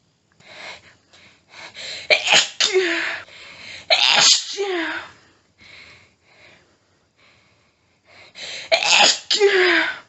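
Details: Adult female, nose tickly all day, unable to stifle: rapid clusters of forceful sneezes with quick catching, panting breaths and brief pauses, a paroxysmal sneezing fit.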